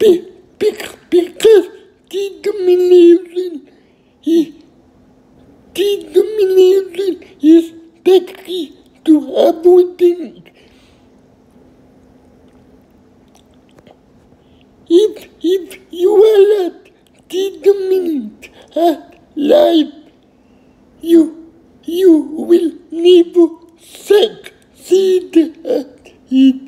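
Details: Adult male with cerebral palsy, who first walked independently at 18; slow, effortful speech; dysarthria in cerebral palsy.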